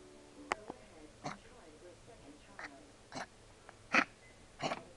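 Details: A 3-month-old small female puppy, a suspected collie mix, with kennel cough under treatment, makes short, high squeaky breaths like a guinea pig; she also has a runny nose, lethargy and frequent hacking coughs.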